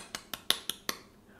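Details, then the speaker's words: A respiratory therapist vocally imitates crackles with four brief, separate popping clicks. These are discontinuous breath sounds, unlike continuous wheezes, and are most commonly caused by air moving through fluid. "you hear the difference in continuous versus discontinuous anything that has breaks in the sound okay it's going to be classified as a crackle most commonly caused by air moving through fluid"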